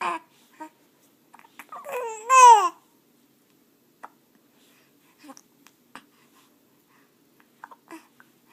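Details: Hiccups in a 4-week-old baby.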